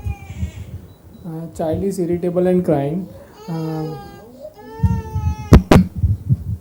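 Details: Infant under clinical examination at a hospital gives short fussing wails with rising and falling pitch, a few breaths between them, in a small room: ordinary infant crying.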